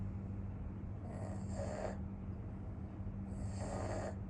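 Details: Two friends in deep sleep, one a pug dog, snoring: two soft, rasping snores about two seconds apart over a steady background hum.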